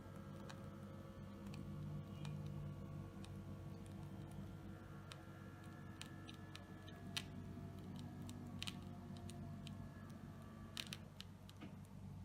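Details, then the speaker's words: Steady low motor hum with faint ticking and clicks from a Citizen CH452/CH453 upper-arm digital blood pressure monitor pumping its cuff during repair testing. Digits barely change, attributed to an air leak; a new cuff is being tried. "As you can see the machine is working but the digits doesn't change or only few digits change. In this case the problem is caused by air leakage inside the system."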